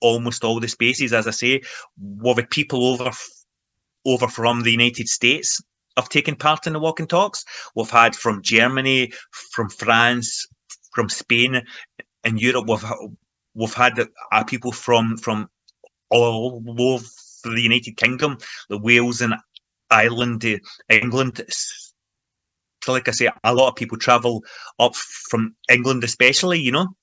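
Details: Real stuttering (stammering) in an adult man from Scotland who stammers and has been involved in stammering self-help groups for over 25 years, in everyday conversational speech.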